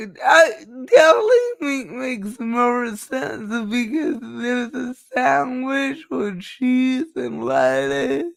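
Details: Woman with cerebral palsy, which she states is the cause of her speech and cannot be changed; dysarthria (cerebral palsy).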